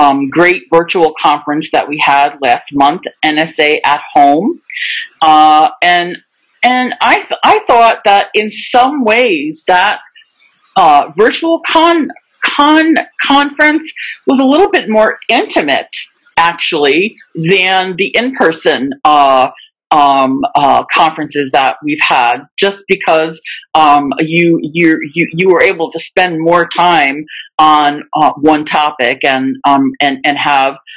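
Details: Real person who stutters, speaking live in a webinar for people who stutter; stuttering.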